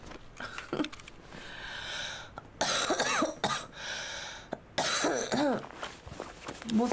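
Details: Girl coughing: several short, sharp coughs and throat clearing mixed with Korean speech, voice noted as changed, mentions taking medicine.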